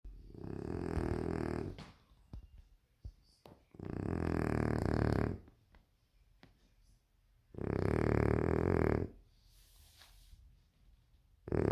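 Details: French Bulldog asleep, with loud, rough, rattling snores on each in-breath, about three in twelve seconds, and quiet pauses between; snoring in a flat-faced dog.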